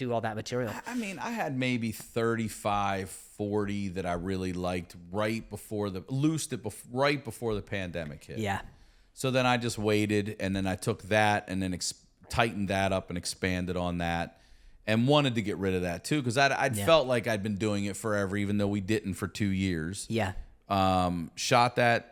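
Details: Adult male speaker in conversation; normal conversational speech.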